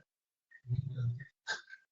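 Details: Sneezing compilation of a man: sneezes.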